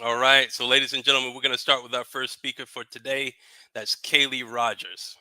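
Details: Adult male speaker; typical voice.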